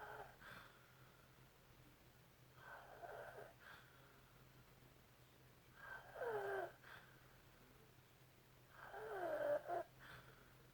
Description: OMG how can you sleep with this happening right beside you all night. And trust me this is a mild case! Its usually much louder!